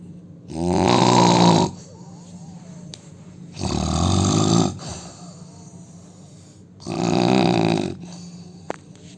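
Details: Indian man snoring heavily during sleep: loud, rough snores on each breath, about 20 a minute with quiet gaps between.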